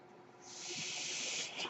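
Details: The speaker's own mechanical ventilator, heard during his podcast recording: a soft rushing hiss of air that builds and holds.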